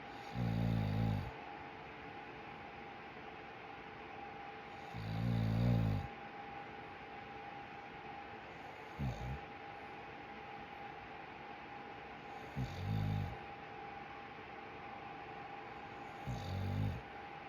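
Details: Five low rumbling snores, about 17 a minute, over a steady background hum, recorded beside the sleeper; snoring.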